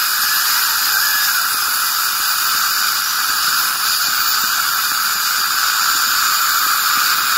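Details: Ultrasonic scaler removing plaque and tartar during routine dental scaling: steady high-pitched whine with hiss.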